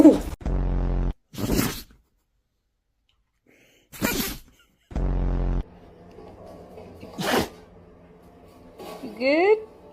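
Several short, sharp, explosive snorting bursts, about four sneezes, with brief voices between them; a dog sneezing.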